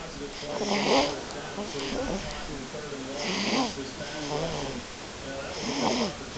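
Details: Slow, rhythmic rattling snores with breathy exhales, roughly every two to three seconds; snoring.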